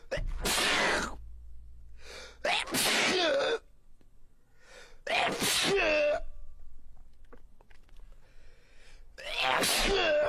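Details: Compilation of streamers' repeated sneezing fits: several loud, wet, explosive, very snotty sneezes, each with a voiced cry-like tail, separated by short pauses.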